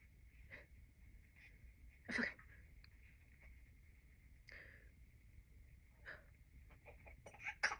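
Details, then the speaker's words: A postpartum woman sneezing about six times in a row: several short, sharp bursts of air in a quiet room with a steady background hum. "Oh my god, I just sneezed like 6 times in a row. Oh no. Oh my god, I've never sneezed that many times in a row."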